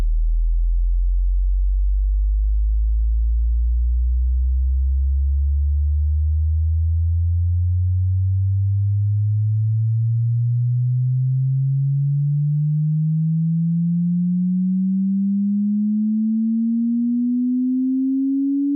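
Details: Pure steady tone that pulses gently and slowly rises from a deep hum to a low pitch: a hearing test frequency sweep (human range 20 Hz to 20,000 Hz) to estimate the listener's ear age, not a medical test.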